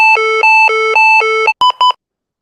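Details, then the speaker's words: Synchronized cardioversion for tachycardia with atrial fibrillation: alternating two-pitch charge tones then two short beeps as the shock is delivered; rhythm converted to normal sinus, tachycardia persisting. "I'm going to make sure to say clear and look around, and make visual, see if my team is clear from the bed. Once they're clear, I'm going to hit the shock button."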